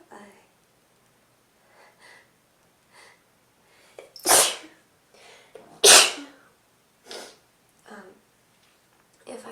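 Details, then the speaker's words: Two strong sneezes from an adult with an ongoing cold, runny nose and sniffles, with quiet sniffs and breaths between them. "I'm feeling pretty sneezy and sniffly today, so I thought you guys might like to hear it. Excuse me. I'm gonna sneeze again."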